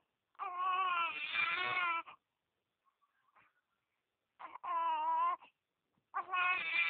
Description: Crying time & Sleeping Time For Baby